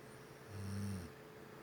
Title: How She Snores💤💤